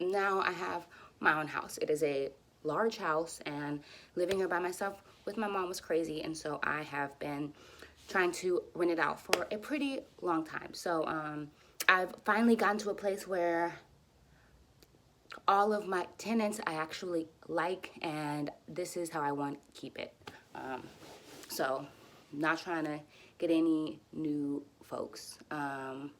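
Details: Adult woman who stutters and uses speech techniques for near-fluency, speaking while frustrated and tense, which she says makes her stutters a little longer — stuttering.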